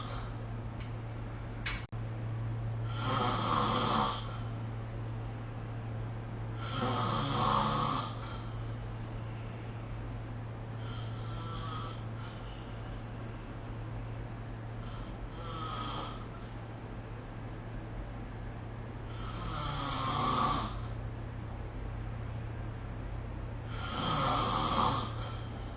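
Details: Snoring during sleep recorded with the SnoreLab app: rough, rattling snores about every four seconds (roughly 14 per minute) over a steady low hum.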